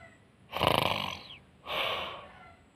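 Two loud, rough, rattling breaths, the first harsher and fluttering, the second softer; snoring during sleep.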